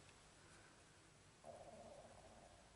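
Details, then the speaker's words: Adult woman's stomach rumbling audibly while colouring: a faint hiss, then a soft, drawn-out gurgling rumble of about one second; borborygmi. "my tummy rumbling. If you could hear that."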